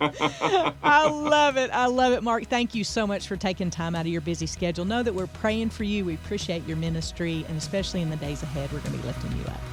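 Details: Adult speaker; normal speech.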